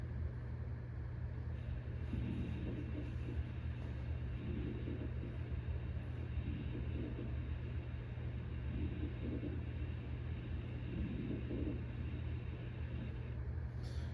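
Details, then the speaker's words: Repeated noisy breaths in and out with a bubbling, crackling quality over a low hum: rales (crackles), presented as a sign of fluid in the lungs in congestive heart failure exacerbation. "notice when they breathe in breathe out you can hear bubbling right that bubbling is what you call rails okay"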